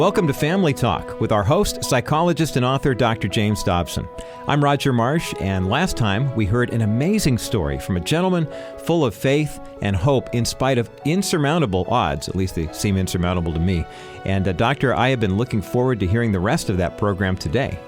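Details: Adult male announcer; normal speech.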